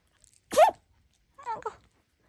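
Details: Dog sneezing: two short, sharp nasal bursts, each a quick forceful expulsion of air through the nose; sneezes.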